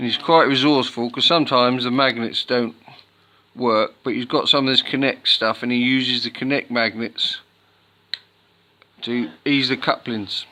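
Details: Adult male speaker; ordinary adult speech.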